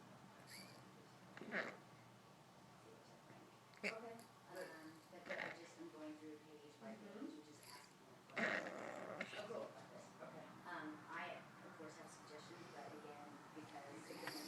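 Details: Dog making repeated harsh snorting, honking breaths in irregular bursts during a reverse sneezing episode.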